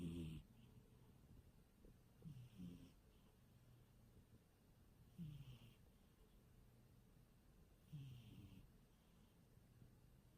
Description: My cat snoring